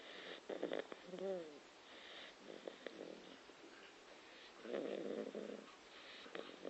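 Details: Soft, snuffly snoring breaths with small whimpering squeaks from a sleeping Staffordshire Bull Terrier puppy.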